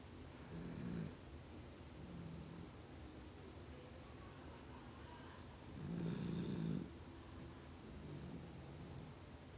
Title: max snoring